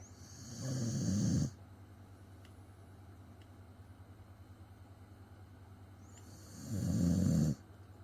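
Two deep, rumbling breaths about six seconds apart, roughly ten breaths a minute, with quiet between; snoring.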